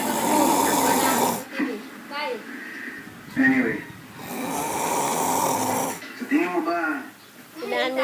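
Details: Loud, rattling snores between quieter breaths in a small room; snoring.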